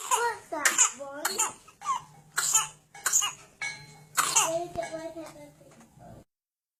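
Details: Infant with paroxysmal cough: a rapid run of about seven short, harsh bursts with strained high-pitched sounds between them.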